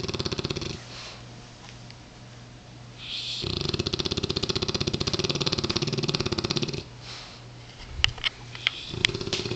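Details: Loud, rattling, fluttering snores on each breath, with a few sharp clicks near the end, from a sleeping Mastiff rescue dog; heavy snoring of a large dog.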